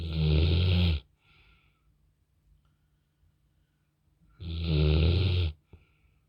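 Two loud, deep, rattling snores about four seconds apart, each followed by a soft exhale; roughly 14 breaths a minute.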